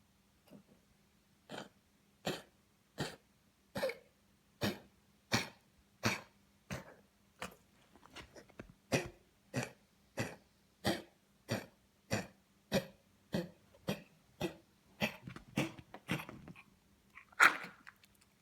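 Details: Dog with a heart murmur in congestive heart failure gives a long, steady run of about two dozen short, dry, hacking coughs; a cardiac cough needing emergency vet care, where her lungs were cleared with medication.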